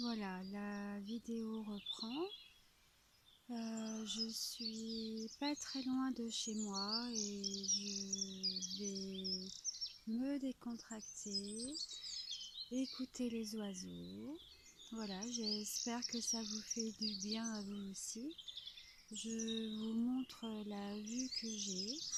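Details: Adult French-speaking woman with a stutter (bégaiement), using a technique taught by a speech therapist, who finds talking while walking still hard; stuttering.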